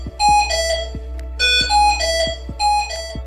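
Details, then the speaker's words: HAMILTON-MR1 ventilator (software 3.0.x) audible alarm: repeating melodic alarm tones in a short pattern over a low hum, resuming after the two-minute audio pause (alarm silence) ends while the alarm condition persists. "if the alarm condition persists after the two minutes have passed the audible alarm resumes"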